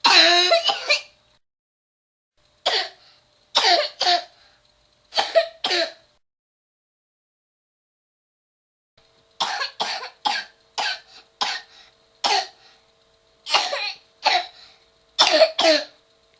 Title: Child's Cough - Bark-Like Sound - LISTEN!!!